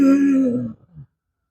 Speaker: During inhalation, when the patient is finding it difficult to difficult to take air in, that is the classical whoop uh seen in whooping cough.